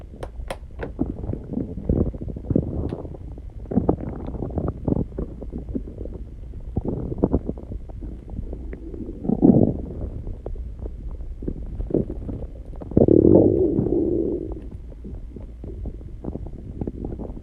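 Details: Irregular low gurgles, clicks and rumbling with two longer growls over a steady background. Recorded after exercising and calming down, alongside heartbeat and heavy breathing recordings: normal stomach growling (borborygmi).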